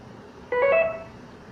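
Brief two-note electronic beep over faint room hum from an infusion pump.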